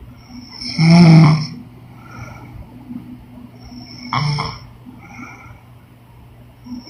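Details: Woman snoring during sleep: two loud, rough snores on the in-breath separated by quieter breathing; snoring.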